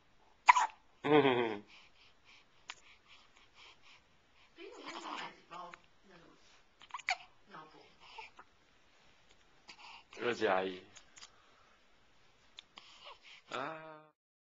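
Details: One-month-old baby with hiccups: brief, abrupt catches and short whimpers scattered through a quiet room.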